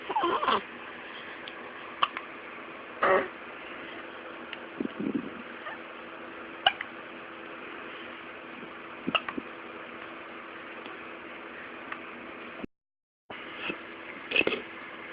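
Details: Hiccups in a 2-week-old baby girl: brief, sharp little catches repeating every few seconds in a quiet room.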